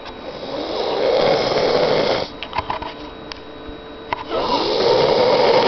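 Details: Loud, rough snoring on two breaths in, separated by a quieter breath out, recorded by a bed partner seeking help who hears it every night: snoring.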